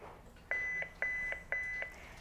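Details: Three steady high-pitched defibrillator prompt beeps about half a second apart, from a veterinary CPR demonstration by an emergency criticalist reviewing how to use a defibrillator to resuscitate a patient.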